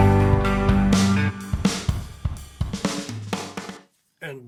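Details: Full-range song mix with drums and bass, played as a normal-hearing reference for comparison with left-ear sudden sensorineural hearing loss.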